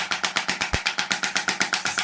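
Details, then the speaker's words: Shockwave therapy for tennis elbow in a male patient with thickened distal forearm tendons; pressure set about 100–110, high frequency. Rapid, regular, sharp clicking pulses at about seven per second from the shockwave device firing. "with the shockwave you can go reasonably high on the pressure so I would say hundred hundred and ten let's just sort of set and I go quite high in the frequency"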